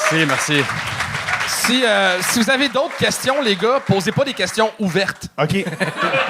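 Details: Adult man; typical speech.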